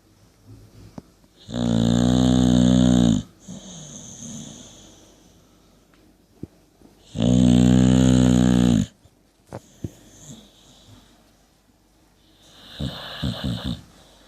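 Loud, long vibrating snores about six seconds apart with quieter breathing between, from a sleeping dog snoring heavily.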